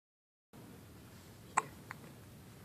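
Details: One-day-old newborn hiccuping in a quiet room: one sharp, abrupt, loud hiccup followed by a fainter catch; newborn hiccups.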